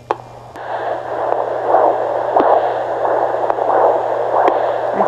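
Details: Fetal Doppler at 18 weeks of pregnancy: soft rhythmic whooshing over static, identified as the placenta's blood flow, before the baby's heartbeat is found.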